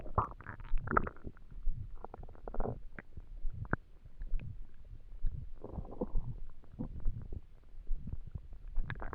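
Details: Borborygmi (bowel sounds) from an empty stomach while trying to sleep: gurgling and rumbling stomach noises.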